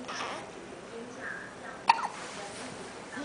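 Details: Newborn baby hiccups: a single brief, sharp hiccup over quiet room noise.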